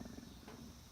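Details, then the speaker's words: A low, rolling rumble under a second long in a person who says they are really hungry; stomach growling (borborygmi). "really hungry if you can hear my stomach growling"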